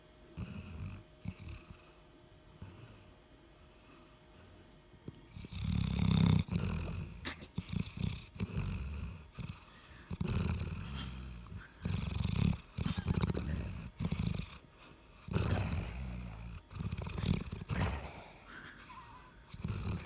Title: My doggo snoring and watch till the end because it gets hilarious